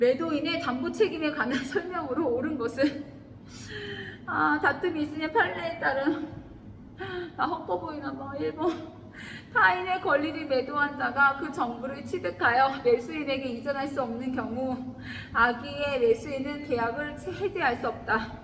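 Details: Adult woman; sleep talking (somniloquy).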